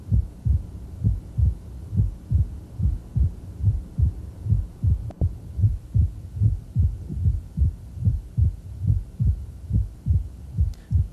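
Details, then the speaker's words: Rheumatic mitral stenosis, patient in left lateral decubitus, diaphragm just inside the apical impulse: regular heartbeat near 73 a minute, opening snap with low presystolic rumbling before each first sound. "so we move inside the apical impulse and listen with the diaphragm you can still hear a little pre systolic murmur"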